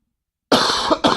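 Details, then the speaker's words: Two harsh, rough, smoker-like coughs from an adult man who quit smoking in rehab and says he has been coughing like this lately; the second cough is shorter. "I sound like a fucking smoker right now. I've been coughing like that lately."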